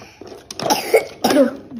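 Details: Young child indoors coughing, urged to cover mouth and spit phlegm: two short, voiced coughs in quick succession in a quiet room; cough.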